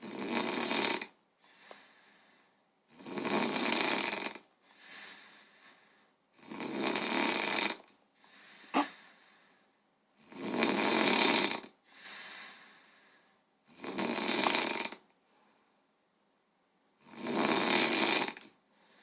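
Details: Loud, harsh snores on each breath in, with quieter breaths out between them; snoring.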